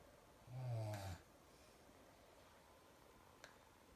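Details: Adult woman (wife) asleep, giving one loud, low, rattling snore lasting under a second, followed by quiet room noise; snoring.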